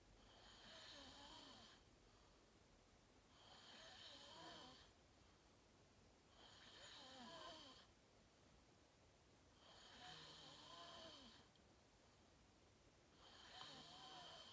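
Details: Real self-recorded sleep; person fell asleep fast, around 8:45, and slept deeply, reportedly REM. Five long, rough, buzzing snores at steady intervals, roughly one every three seconds, with quiet gaps between. Loud snoring.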